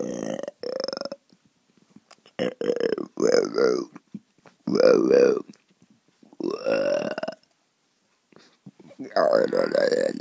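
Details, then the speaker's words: Playful burping contest voicing cartoon characters Sonic and Tails: several long voiced burps alternating with short pauses; burping. "hey tails are you ready to do a burping contest"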